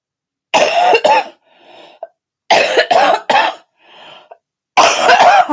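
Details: Three bouts of loose, wet coughing, two or three coughs each, with quiet breaths between; congested cough in an adult still pretty sick with a recurring illness, recorded during a live stream.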